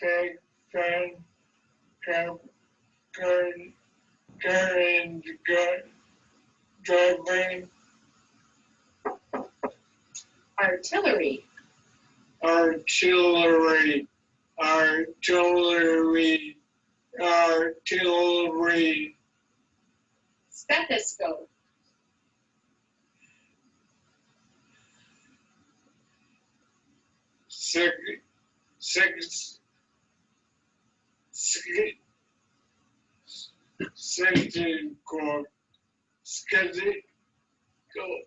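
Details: Man eight years after onset, with worsening apraxia of speech, an added dysarthria and some grammatical difficulty: progressive apraxia of speech with dysarthria.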